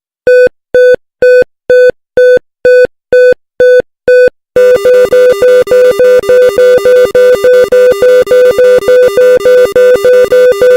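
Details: Simulated cardiac monitor sound effect: the beeps speed up to a rapid run, signalling tachycardia on the monitor.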